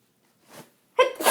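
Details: A soft indrawn breath, then a sharp, loud voiced burst: a single sneeze from a person with a really bad cold.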